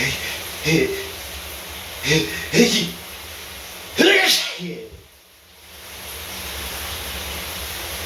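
Three or four sharp sneeze bursts over running shower water; repeated sneezing.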